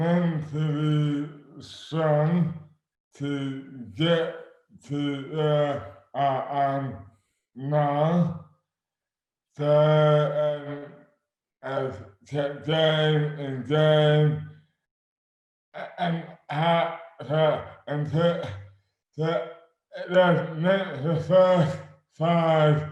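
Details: Adult man with dystonia, slurred speech beginning suddenly overnight in May 2008, about 12 years before this 2020 interview; speech severely impaired, hands also affected; dysarthria from oromandibular dystonia.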